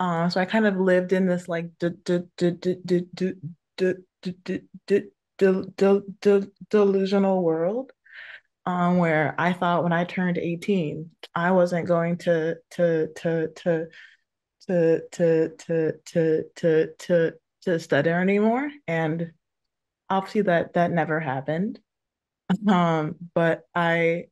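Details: Adult woman who stutters, with multiple audible word repetitions; stuttering.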